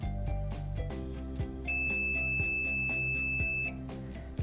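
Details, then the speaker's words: DCI Edge Series 4 dental chair: holding the number one preset button to program the operating position gives a steady two-second electronic confirmation beep, with background music. "i'm just going to hold in on the number one button the chair will beep at me"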